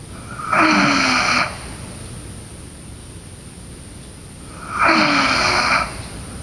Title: Sleeping Girl Snoring